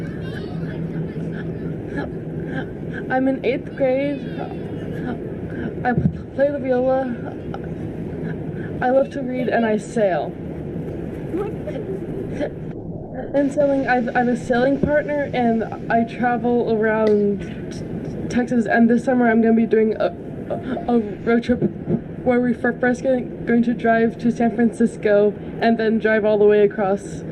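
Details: Developmental stuttering in a teenage girl who stutters, said to have blocks and repetitions; word repetition heard; developmental stuttering.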